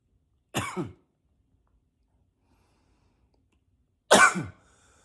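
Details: Acted, deliberate coughing in a quiet room: two single coughs about three and a half seconds apart, the second forced in a deeper voice.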